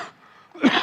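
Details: Adult man coughing during a White House speech: a single short, harsh cough or throat-clearing burst after a brief pause, followed by "excuse me" and a sip of water.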